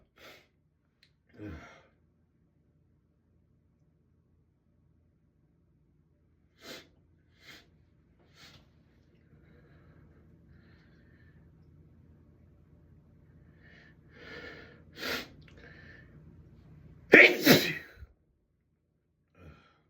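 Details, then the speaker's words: Sneezing fit in a bathroom with tickling nose: several sharp sneezes over about twenty seconds, quiet breaths and a low hum between, person saying they can't stop. "I can't stop. Thank you. Thank you. It tickles so bad."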